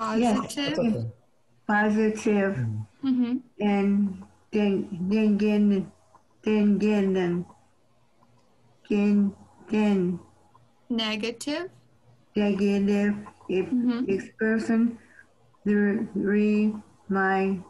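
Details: Member of a community group for people with aphasia and other acquired neurogenic communication disorders after stroke or traumatic brain injury; specific diagnosis not stated; aphasia.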